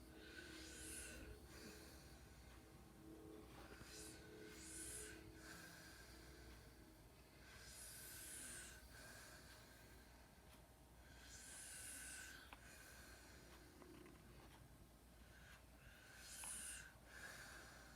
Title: Snoring Boyfriend